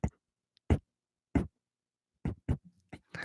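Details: Adult man with Tourette's syndrome, which he links to heavy childhood Ritalin use, also with blinking, breath-holding and obsessive-compulsive disorder, tics reportedly suppressed on camera; vocal tics.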